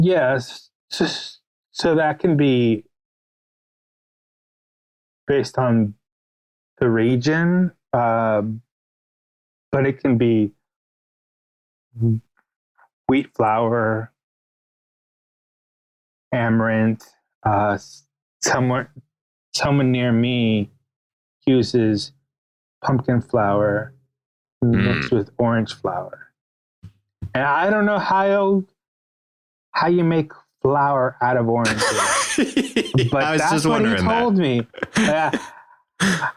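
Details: Stuttering in an adult male writer and podcast guest; the host notes his real, ongoing stutter may be heard throughout the interview.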